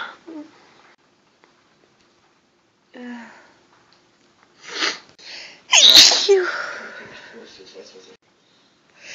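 Quiet sniffs and breaths, then a sharp, explosive, hissing sneeze; a single forceful sneeze.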